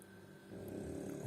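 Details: Sleeping French bulldog snoring: a low, rough snore that builds over about a second.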